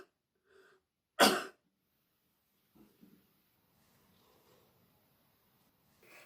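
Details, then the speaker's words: A nurse demonstrates a single strong, deliberate braced cough for people with osteoporotic spinal fractures: standing, bent slightly forward with hands on thighs, abdominal muscles tightened and arms braced. Faint rustling follows. "As you cough, you want to tighten those abdominal muscles, and you can also brace your arms as well."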